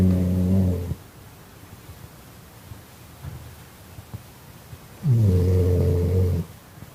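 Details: Loud, deep, rumbling snores from a sleeping dog, two long inhaled snores separated by a quiet pause; ordinary dog snoring.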